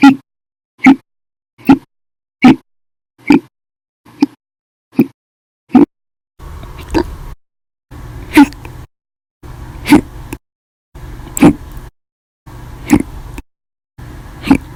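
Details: Violent, loud hiccups lasting 13 hours 20 minutes after eating breakfast, lunch and drinking a cup of soda after dinner: short, sharp vocal jolts about every 0.8–1.5 seconds, roughly 40–70 a minute; audio only.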